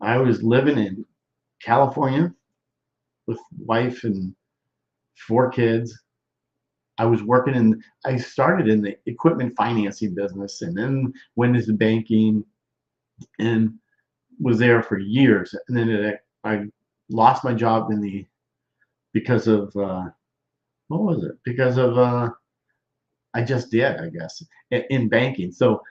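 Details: Male stroke survivor, more than 13 years post-stroke, with self-reported Broca's expressive non-fluent aphasia involving word-finding difficulty, trouble with function words and word substitutions: expressive (Broca's) aphasia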